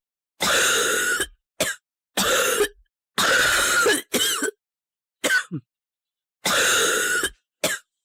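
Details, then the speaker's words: Child's harsh, coarse, rumbling cough in a series of about eight bursts, typical of bronchitis; wheezes in the lungs, fever and shortness of breath may accompany it, with dry whistling wheezes possible on auscultation. "следующий тип кашля - это такой сильный грубый грохочущий он характерен для бронхита"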